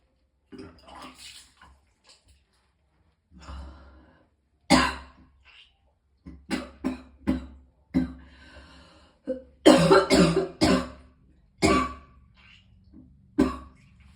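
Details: Person in extreme pain, vomiting several times from it, has a bout of repeated harsh uneven coughs and throat clearing in quick clusters with strained breaths; coughing.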